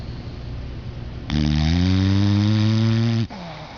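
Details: Sleeping individual having a good sleep or dream snoring: one long, loud, rattling snore of about two seconds on a steady low tone, rising out of quiet breathing.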